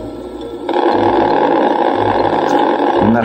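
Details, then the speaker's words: Needle EMG recorded from the orbicularis oris (lip) muscle in a woman with chronic bilateral facial palsy of two years' duration: quiet hum gives way to dense crackling motor unit firing as she blinks or closes her eyes; synkinesis from anomalous facial nerve reinnervation. "la paciente parpadea y me da una serie de ondas características"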